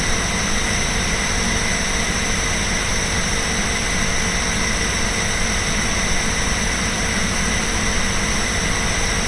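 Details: Nebulizer compressor (Incoterm NB090 inhaler) running alongside a portable desk fan: steady droning hum with constant hiss and fan white noise, recorded as ASMR for sleep.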